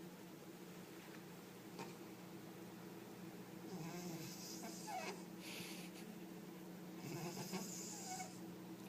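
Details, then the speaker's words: Soft, faint rattling snores from a cat sleeping on a table in a quiet room, partly masked by room hum; loud, rough snoring. "you're snoring. Rexy, you're snoring. Rexy, wake up. You're snoring. Rexy, you're loud."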